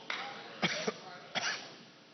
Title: needs a glass of water after coughing fit in Flint, Michigan, promises it's not a stunt